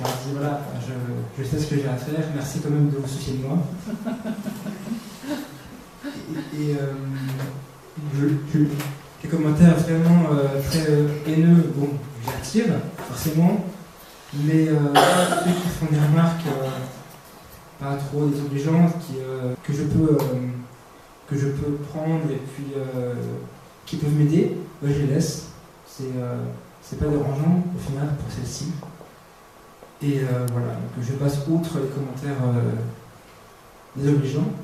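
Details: Stuttering in a 22-year-old man who has stuttered since about age 5, roughly 17 years.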